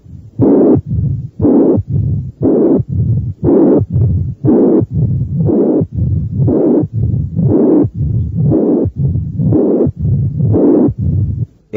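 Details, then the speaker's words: Mixed mitral valve disease, both moderate stenosis and regurgitation (teaching recording): loud high-pitched slightly harsh systolic murmur plus mid-diastolic and presystolic rumbles, about 60/min. "estos hallazgos corresponden a los de estenosis mitral con insuficiencia ambas de grado moderado comenzaremos con los ruidos añadiremos el soplo sistólico y después los soplos diastólica"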